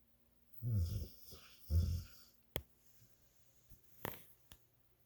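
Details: Man snoring: two loud, low rattling snores, then quieter breathing noises and clicks in a small room; snoring.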